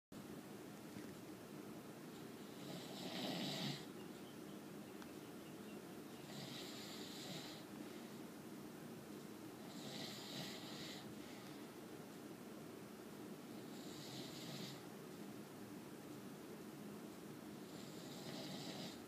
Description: Caught my dad on camera snoring. He says he doesn't snore.